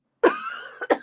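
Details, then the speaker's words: Single short cough with a small trailing catch from a woman who is sick with a cold-like illness and has taken medicine. "I sound I sound pretty sick right you can't really fake this I feel like you can't fake this"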